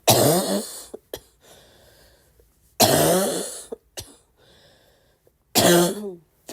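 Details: Three harsh, dry-sounding coughing bouts with quick breaths between them, about one every three seconds.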